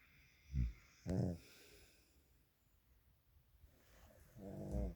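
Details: Sleeping dog with two short rumbling snorts, a pause, then a longer buzzy snore; the owner finds the snoring unusually loud, starting almost as soon as he lies down and falls asleep, and worries about it.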